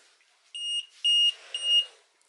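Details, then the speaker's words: Three high-pitched beeps from a Neulasta Onpro on-body injector worn after chemotherapy, sounding at 6:45 the next day to signal the start of delivering the drug that raises blood counts; the patient feels nothing. "that's my sign telling me that it is now injecting the medicine into my system and I don't feel a thing"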